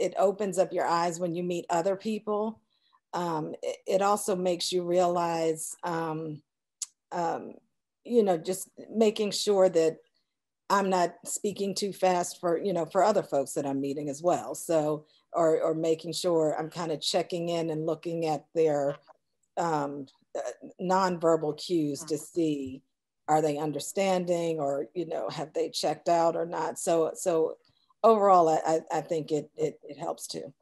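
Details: Adult woman speaking; no speech disorder.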